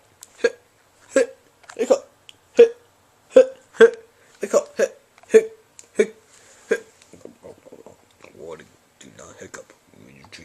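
About a dozen sharp, voiced hic sounds at an uneven pace, roughly 78 a minute, imitated for a comic. Hiccups.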